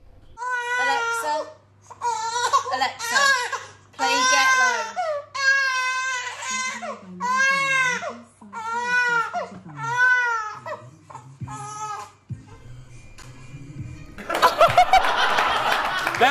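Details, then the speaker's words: Two-month-old infant crying in repeated high-pitched wails, followed by a burst of loud music at the end; the mother reports the crying stops when the baby hears the rap song "Get Low." "the British mom discovered that her two-month loves rapper Little John song Get Low the baby gets quiet for Little John as you can see the crying stops the minute the minute the baby hears Little John"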